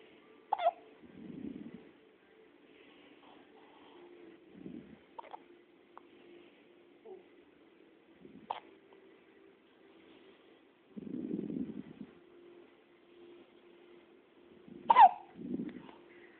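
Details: Person with hiccups: about four sharp, abrupt hiccup sounds spaced several seconds apart in a quiet room with a low hum.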